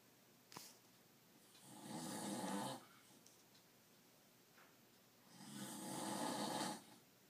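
Two long, rough, airy snores about four seconds apart, with quiet breathing in between.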